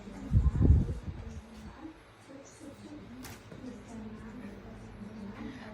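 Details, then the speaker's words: Chest percussion over the left and right hemithorax, done after checking chest expansion: a brief cluster of low, hollow taps giving a resonant (sonor) percussion note, judged normal. "suara perubahan suara dan e perubahan suara eh suara Sonor berarti artinya normal"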